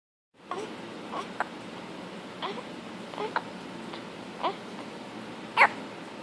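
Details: Newborn girl born 4 weeks early, in her first video after birth: soft, brief catches at a fairly steady rhythm, about ten per minute, over room hiss; newborn hiccups.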